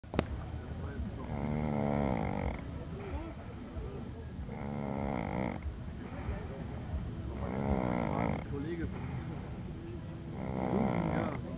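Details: Snoring during sleep: four rhythmic, rumbling snores about every three seconds, with quieter breaths between.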